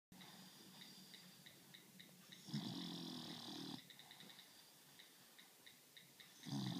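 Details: Snoring in a subject described only as "Staffordshire": rough, rattling snores on the in-breath, two heard, with faint whistling clicks between them.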